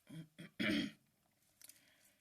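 Two short guttural bursts followed by a longer harsh throat-clearing sound, then quiet room noise. Throat clearing.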